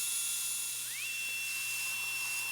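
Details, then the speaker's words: High-speed dental drill with a super coarse diamond bur shelling off enamel on the labial surface during anterior crown preparation (conventional crown and bridge) in a woman losing many teeth after periodontal treatment: steady high-pitched whine rising partway through. "this is a super coarse diamond so I can actually get under the enamel and instead of sanding or grinding something off I'm actually shelling It Off"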